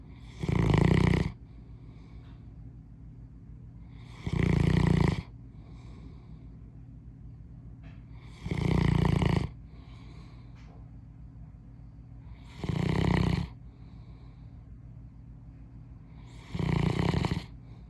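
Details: Sleeping English mastiff dog in the morning: loud, deep rattling snores with quiet gaps between them, about 15 a minute; snoring.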